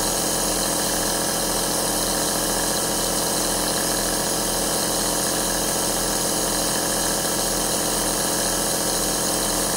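Steady mechanical hum and hiss with a regular pulsing of about one per second from a running compressor nebulizer.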